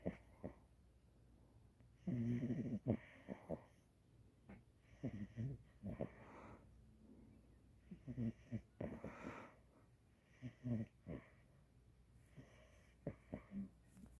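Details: Tiny female French Bulldog in her first couple of weeks at home, snoring during sleep: repeated snorting, whistling breaths, some with a rattling catch, loud for a small dog.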